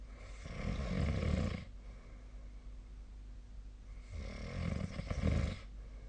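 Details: Sleep snoring recorded with the SnoreLab snoring app on 2025/02/24.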